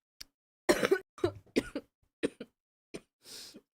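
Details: Cough from a person who says they are sick and have been coughing a lot today.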